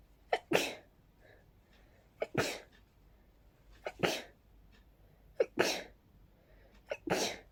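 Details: Person with pollen-triggered sneezing, barely able to catch their breath: five sneezes in quick succession, each with a short sharp intake before a forceful burst; a rapid sneezing fit.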